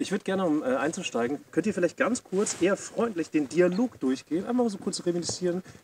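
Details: Adult speaker; normal voice.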